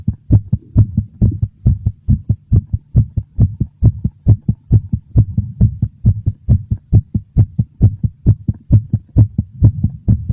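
Strong, regular low thumps of a heartbeat at a quick pace, clearly audible; a slightly fast heartbeat.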